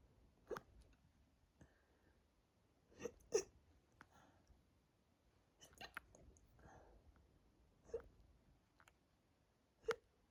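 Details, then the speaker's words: Adult with hiccups deliberately induced by drinking lots of water, stomach bloated and tight: sharp, abrupt gulping catches about every two to three seconds, roughly six in ten seconds, in a quiet room; hiccups are painful to chest and throat. "Anyway, focus and be silent for a little bit. Well, as silent as I can be with hiccups."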